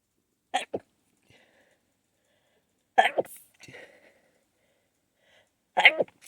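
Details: Three sharp, clipped, partly stifled sneezes with quiet breathy catches between them; the person held the sneezes back until the tickle built up, then got them out. Stifled sneezing.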